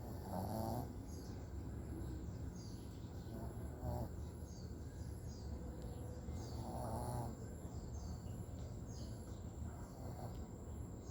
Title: Snoring dog